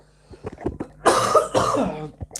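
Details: Small throat sounds, then two loud, harsh coughs with a rough, loose quality, typical of a chesty productive cough; the adult speaker has the flu.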